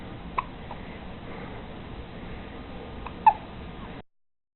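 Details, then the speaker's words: Newborn two days old with his first hiccups outside the womb: two brief, sharp hiccup sounds about three seconds apart in a quiet room. "first little hiccups outside the womb."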